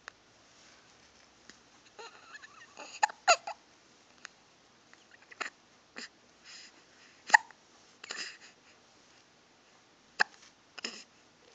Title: Adorable Hiccups